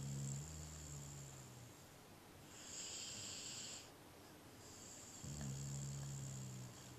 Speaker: is that snoring you might ask a person Oh no it's our dog was very sneep after a big day be OK Good night